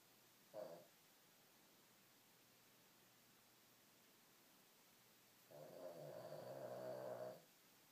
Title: Snoring Petey